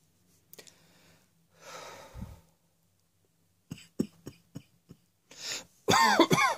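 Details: Throat clearing, then a run of about five short dry coughs ending with a strained vocal sound; cough.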